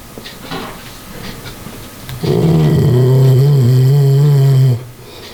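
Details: Dog snoring: softer sniffing noises, then a single long, low, droning breath with a buzzing, rattling tone.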